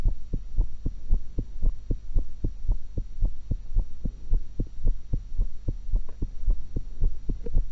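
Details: Own heart recorded with a stethoscope while eating an apple and a cucumber: regular soft double thumps at about 57 beats a minute over a low hum; normal heart sounds.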